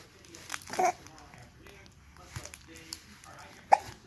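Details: An infant seems upset by hiccups, with two abrupt, sharp hiccups about three seconds apart and small vocal sounds between them in a small room; infant hiccups.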